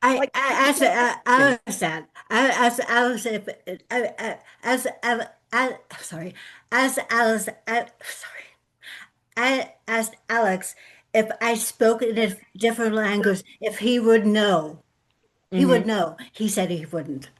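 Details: Adult woman with lifelong post-stroke aphasia after a severe stroke in 2012, real, speaking in an aphasia support group, with difficulty putting words together; aphasia.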